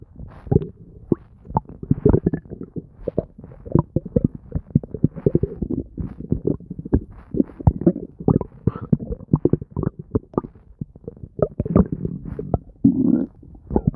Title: Nonstop stomach gurgles and bubbling [Stomach noises]